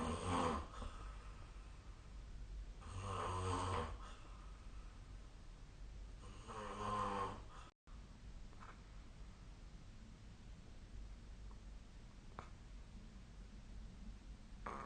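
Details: Sleep snoring recorded with the SnoreLab snoring app: rough, rattling snores on breathing in, about three in the first eight seconds, then quieter breathing with room noise.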